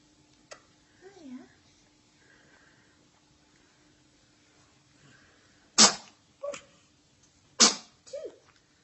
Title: 2 sneezes 1 smile - Cutie butt got wind!